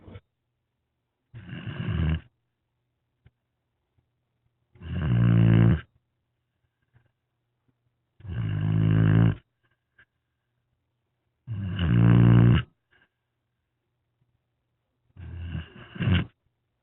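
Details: Snoring from a resting foster dog on a rainy afternoon: regular low, rumbling snores, about 17 breaths a minute, with quiet pauses between.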